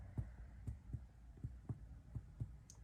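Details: Percussion over the heart during a recorded medical physical assessment gives a normal area of cardiac dullness.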